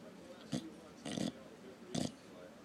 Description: Lazy English Bulldog snoring with one eye open